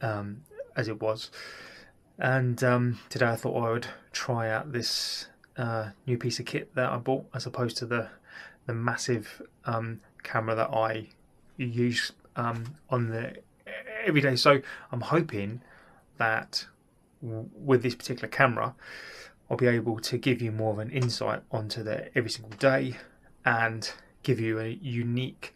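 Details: Adult man with stuttering (stammer) since childhood, addressed with cognitive behaviour therapy.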